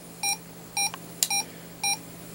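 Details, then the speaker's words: An adult man's heartbeat on a homemade DIY electrocardiograph with Arduino: evenly spaced electronic beeps, one per beat, at 110 beats a minute while talking, with movement noise also picked up. "Le bruit que vous entendez, c'est mon coeur... et mes mouvements aussi."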